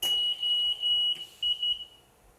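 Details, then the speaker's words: CoroVent COVID-19 ventilator connected to a lung simulator, demonstrating its standards-compliant alarm system signalled both audibly and visually: series of high-pitched electronic beeps in short bursts, a mechanical ventilator alarm. "Přístroj je vybaven alarmovým systémem podle platných norem. Alarmy jsou signalizovány zvukově i vizuálně."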